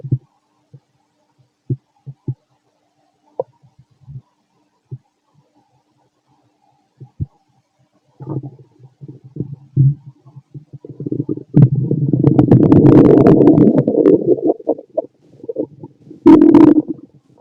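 Scattered gurgles and clicks build into a long, loud rumbling growl, then a final burst; active bowel sounds during digestion.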